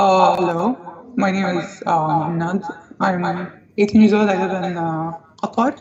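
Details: 18-year-old male recorded before voice therapy, with a high-pitched voice persisting about five years since puberty (age 12-13); puberphonia.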